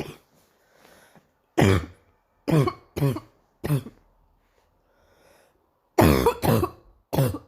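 Repeated harsh, throaty coughs, about seven over several seconds, some in quick pairs with quiet breaths between; a morning cough.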